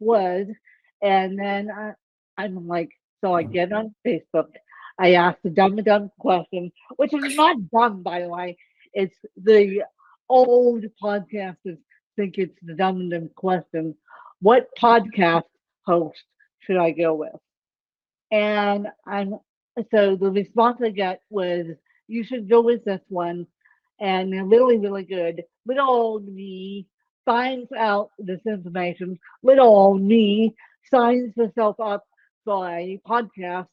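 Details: Adult woman with self-reported ataxic cerebral palsy and cerebral-palsy-related speech; ataxic dysarthria (cerebral palsy).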